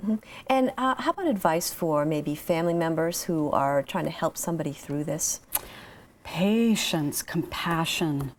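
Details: Adult speakers in an interview; normal speech.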